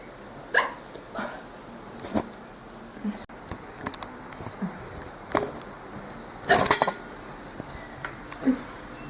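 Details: Girl hiccuping repeatedly, sharp brief hiccups every second or two, about six or seven in nine seconds, over light background noise: hiccups.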